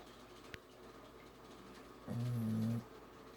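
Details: Snoring in a female dog: a single low, rough snore lasting under a second in a quiet indoor room.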